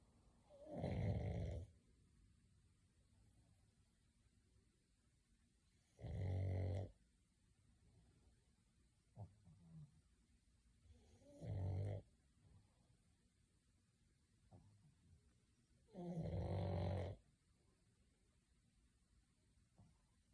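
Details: Pug snoring: four loud, low rumbling snores, one with each breath, about 12 breaths a minute, with quiet pauses between them.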